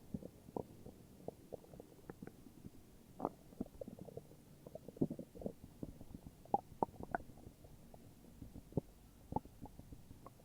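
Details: Morning stomach growls: quiet, scattered gurgles and soft pops from the belly; ordinary borborygmi.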